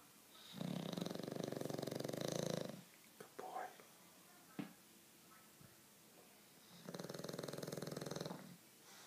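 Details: 7-month-old bulldog asleep: two loud, rattling snores, each about two seconds long, with quiet breathing and small snuffles between them; snoring.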